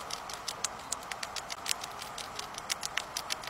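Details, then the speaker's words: Pet rat bruxing: rapid faint clicking from its teeth chattering and grinding, made when happy and content, like a cat's purr. "when rats are happy and content they will make a noise called bruxing"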